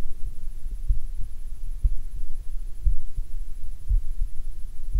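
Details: Heart sounds recorded with a DIY electronic stethoscope: regular paired thumps at about 67 to 70 beats a minute over a steady low hum; normal heart sounds.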